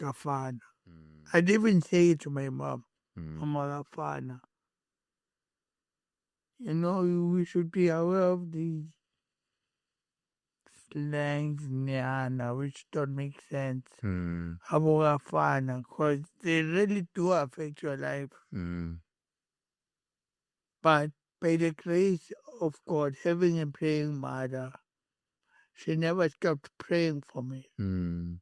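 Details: Adult male born with cerebral palsy, with a head injury from a car accident in June 2000 that affected his speech, walking and left-ear hearing; dysarthric speech.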